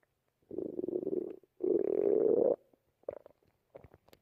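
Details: Two long rumbling gurgles followed by short bubbly squeaks: ordinary stomach growling (borborygmi) from gut movement.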